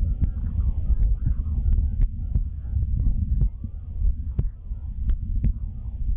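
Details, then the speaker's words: Low, muffled heart thumps under a steady hum at an ordinary resting pace, within the typical 60–100 beats per minute of a normal adult heartbeat. "Just to put in context, an average adult's heartbeat is about 60 to 100 beats per minute."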